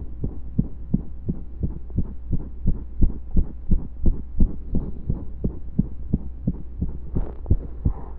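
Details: Heartbeat recorded during pressure and breath holds: steady beat around 85 per minute over a low hum, with a few irregular gaps where a beat comes early or seems skipped.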